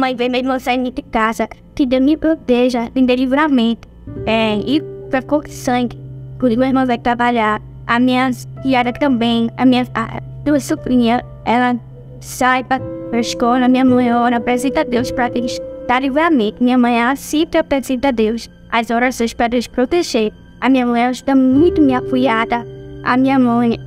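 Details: Deaf speech in a woman born with hearing impairment (prelingual), an oralized deaf speaker who learned to speak through therapy and speech therapy.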